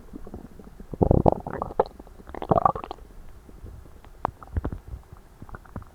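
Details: Stomach noises recorded right after overeating at Christmas dinner, with the belly tight and achy: loud gurgling and rumbling bowel sounds in irregular bursts, active digestion, normal borborygmi.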